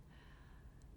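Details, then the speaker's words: Pet dog snoring while napping: quiet, low rumbling "geureureong" snorts during sleeping breaths in a small, quiet room. "음 그르렁 그르렁 하면서 코를 고는 것은 저희 집에 있는 n 저희집 강아지 # 페이가 자면서 되는 소음 입니다"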